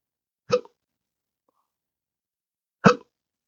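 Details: Man with intractable hiccups since December 2015 after surgery with nerve damage (pudendal, phrenic, vagus), unresponsive to treatments: two abrupt, sharp hiccups about two seconds apart in a quiet room.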